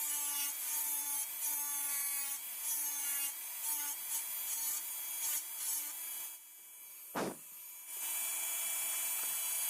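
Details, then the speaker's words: Dental high-speed handpiece on a typodont mandibular first molar (#36), full veneer crown preparation, mesial then distal slope of a buccal cusp: steady high-pitched whine wavering and dipping in bursts. "Completed the mesial slope. Now going ahead and preparing the distal slope."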